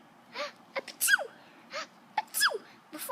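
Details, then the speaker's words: Imitated "girl" sneeze, performed as a joke: quick breath intakes each followed by a high, squeaky sneeze-like burst, repeated twice; simulated sneezing. "today I'm going to be showing off how the genders sneeze, okay? So, this is how girls sneeze."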